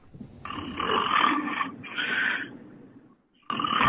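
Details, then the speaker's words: Romania's agriculture minister falls asleep during a live broadcast while connected by phone: loud, rough snoring bursts heard through the phone line, the vibrating breath sounds of deep sleep; snoring. "doğru yöneltildiğinde hattın diğer ucundan horlama sesi duyuldu anlaşılınca herkes şaşkına döndü"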